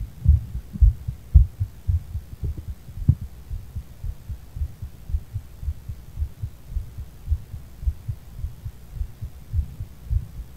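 Low, fairly regular thumps at roughly 110 to 115 a minute over a steady hum; a fast heartbeat after cannabis use.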